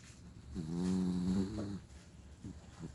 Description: My dog Scooter snoring loudly